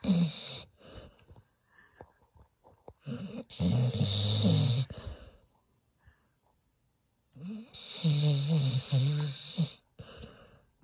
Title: Snoring Dog